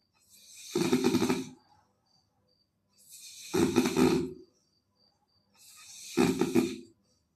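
Three loud, rough, rattling snores, one on each breath in, about every three seconds with quiet between them: ordinary snoring.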